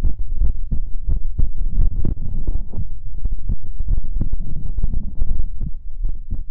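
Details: Normal heartbeat recorded up close to the chest for ASMR: loud, deep, muffled thumps in a steady rhythm.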